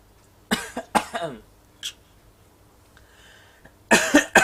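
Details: 6-month-old baby acting a cough: a few short, deliberate cough-like bursts, an imitated voluntary cough rather than illness.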